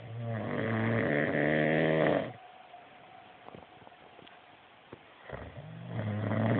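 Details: A man snoring while still asleep an hour past his time to get up.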